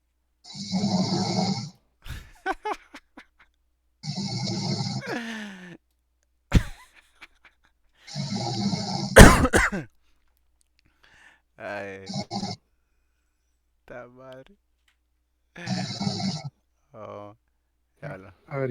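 Repeated loud rasping snores separated by silences, with occasional clicks and short squeaky breaths; snoring.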